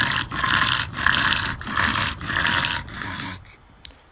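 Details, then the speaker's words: Brachycephalic dog after about 3 minutes of exercise tolerance testing, having been near-quiet at rest: loud, harsh, rasping panting breaths at about 95 per minute, stertor from upper airway obstruction. "근데 이제 문제는 이제 운동을 시키고 나면 은 이제 똑같은 쉴 때 요 똑같은 소리 내는 친구들이 운동을 시켰을 때 반응들이 굉장히 갈릴 수 있다는 거예요"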